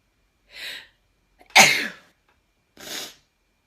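Three short, sharp, hissing sneeze bursts with silence between them; synthesized sneezes.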